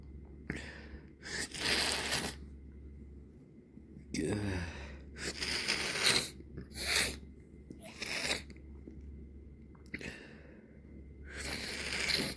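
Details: Several congested, partly stifled sneezes in the evening, with sharp bursts and noisy inhaled breaths between. The nose has been irritated by irritants for several days and rubbed red. Sneezing.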